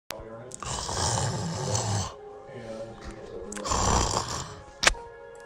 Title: snores a lot